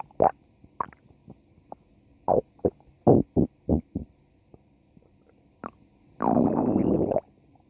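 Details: Stomach growling: a run of short gurgling bursts, then one longer rumbling growl from gas and fluid moving in the gut.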